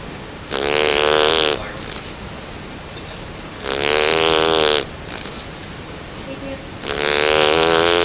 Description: A quick Video of my Puppy Snoring. He's a Bernese Mountain Dog just over 9 weeks old.